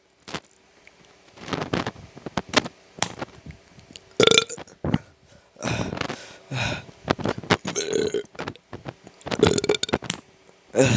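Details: Repeated burping: several loud, drawn-out belches with short gaps between them.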